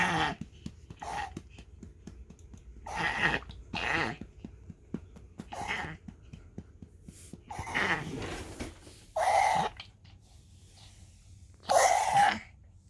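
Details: Dog coughing indoors: repeated harsh, honking bursts of forced breath with noisy breathing between.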